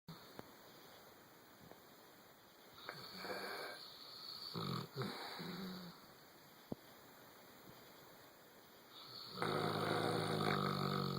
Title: Snoring and Dreaming